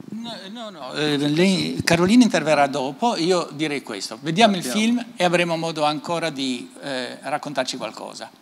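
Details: Adult male speaker; Typical speech.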